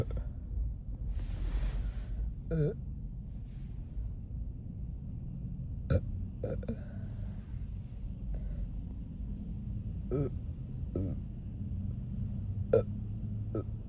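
Several short, low, croaky burps over steady room noise; ordinary belching after drinking quickly.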